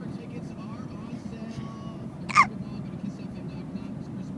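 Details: Child (niece) with a hiccup attack in a car: one short, abrupt hiccup over steady engine and road noise.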